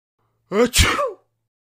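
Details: A single voiced sneeze from a goofy animation: a rising 'ah' intake, then a sharp 'choo' burst.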